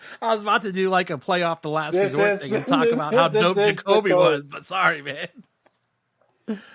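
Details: Adult man speaking; Normal voice.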